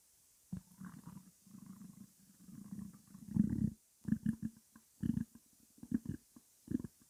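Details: Stomach growling from a female who needs to eat her breakfast: borborygmi.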